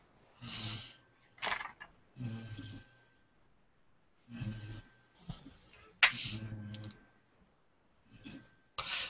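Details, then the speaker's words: Five-month-old puppy sleeping, snoring in short, rough, snorting bursts with low rumbling breaths between quiet gaps. "I can hear that snoring yes my dog yeah that's crazy there that's what I sound like"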